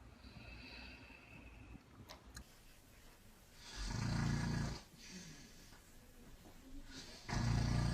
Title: The Funniest Snoring Compilation 2013